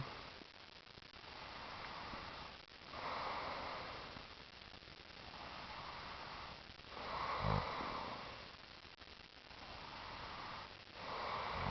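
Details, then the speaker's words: Person snoring, recorded in 2007 in the Boundary Waters Canoe Area Wilderness: soft, irregular noisy breaths at about 15 a minute with a rough flutter, and one brief louder snort. "Are you gonna start snoring again?"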